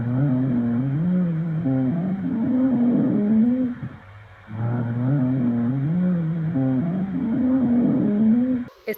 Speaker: roncus similar a ronquidos se da por aire obstruido patología relacionada asma bronquitis